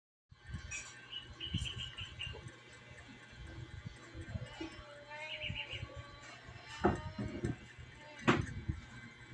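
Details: Tickle-induced sneezing in the Philippines: two sudden, sharp sneezes about a second and a half apart, heard over outdoor birdsong and faint background voices.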